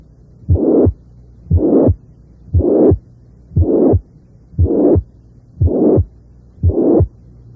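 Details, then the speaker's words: Mitral regurgitation heard loudest at the apex: a crescendo systolic murmur that starts soft and swells in loudness up to the second sound, with a regular heartbeat near 58 a minute. "así el soplo puede ser por ciento es decir iniciarse en forma débil y aumentar de intensidad hasta el segundo ruido"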